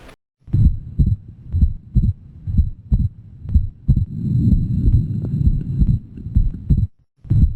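Regular heartbeat near 62 per minute with a doubled second sound; fixed splitting of S2, typical of atrial septal defect.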